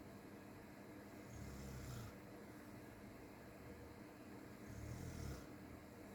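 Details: Two low, rumbling snores about three seconds apart, muffled and thin because they are played through a phone while being recorded, over a steady background hum; snoring.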